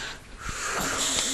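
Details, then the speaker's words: Harsh, noisy, gasping laboured breaths in a sleeping adult male who is a longtime loud snorer with recent weight gain, as an obstructive apnea ends in a cerebral microarousal after oxygen desaturation; breaths shown on polygraph tracing. "a result of the cerebral microarousal there is a partial awakening leading to a few laboured breaths these breaths are clearly visible in the upper tracing of the polygraph"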